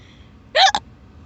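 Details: A single sharp hiccup, a quick voiced gulp with a brief catch, in a car after a buffet meal, over low road noise and background talking.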